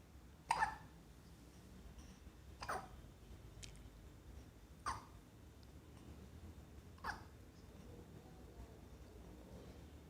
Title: Hiccup 2 months